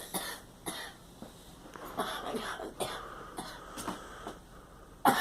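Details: A girl coughing: a run of about eight short, dry coughs spread over five seconds with brief pauses between, in a quiet small room.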